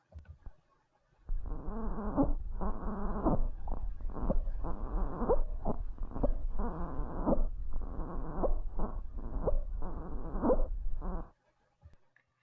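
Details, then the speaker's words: Infant with repeated low, muffled grunting on each breath out: expiratory grunting, abnormal in a baby and a sign of respiratory distress. "No es normal que un bebé al momento de respirar se queje. Es por eso que este ruido tiene atribuido este nombre, ya que tal cual al momento de respirar se queja y emite este ruido."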